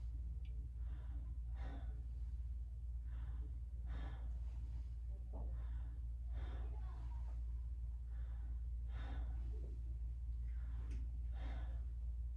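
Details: Normal breath sounds heard during a head-to-toe physical assessment demonstration on a patient, between the hearing tests and the skin and abdominal exam.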